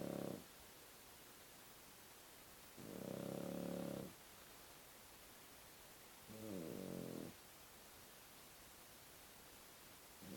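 Soft, buzzing snores about every three to four seconds against faint hiss, a regular sleeping breath rhythm of roughly 17 a minute.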